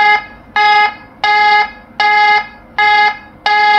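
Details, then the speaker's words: lifePOINT PLUS defibrillator just switched into AED mode: a loud repeating two-tone electronic alarm, roughly 80 tones a minute. "if you want to silence the alarm just press this alarm off button and alarm is off okay"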